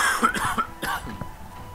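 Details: A few short, husky coughs and throat-clearing sounds from an adult recovering from a cold, over quiet background noise.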